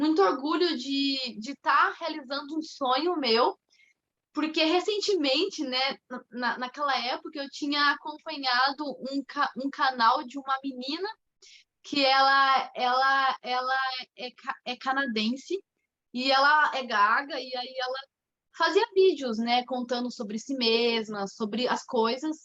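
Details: Mild stuttering in a 25-year-old woman, with onset around age two and a half to three.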